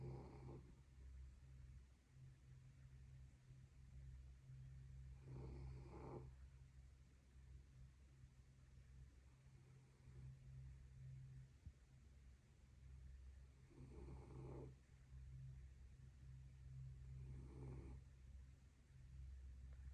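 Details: Sleeping dog snoring: irregular, rasping breath noises over a steady low background hum; owner asks whether such snoring is normal.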